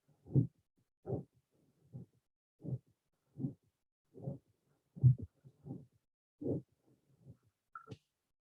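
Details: Regular heartbeat about 75 a minute with a soft, subtle murmur of varying intensity between the heart sounds, from aortic stenosis, presented among acyanotic heart defects.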